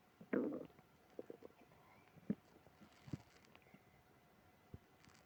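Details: Stomach growling (borborygmi) with moaning from a person with tummy trouble after eating ice cream: quiet, low gurgles and scattered squelching pops from the belly.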